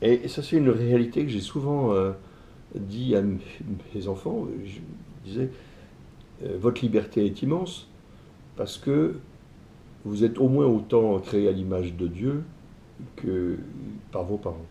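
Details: Adult male entrepreneur with stuttering (bégaiement), which he self-reports; he says his ease of speaking varies with how receptive the listener is. Finding: stuttering.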